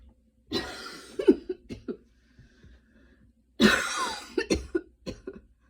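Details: Coughing right after a fast ten-minute run in light rain: two short bouts, each a harsh burst followed by smaller coughs.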